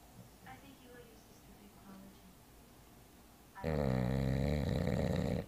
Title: Bruiser The Bulldog Snoring